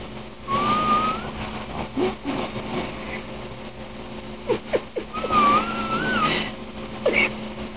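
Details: A sleeping adult woman gives a thin, wavering whistle on each breath instead of a rough snore, over a steady room hum.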